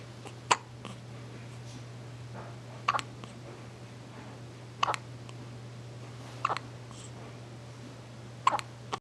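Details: Sharp brief hiccups roughly every two seconds, about five in nine seconds, over a steady low hum; regular hiccups.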